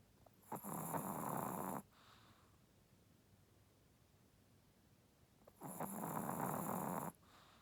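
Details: Sleeping dog snoring heavily, loud enough to sound like a person: two long, loud, rough snoring breaths separated by quiet pauses.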